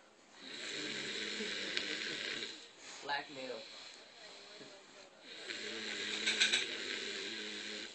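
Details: Man snoring while asleep, head not touching the cushion: two long, loud, rasping snores with a quieter snort between them.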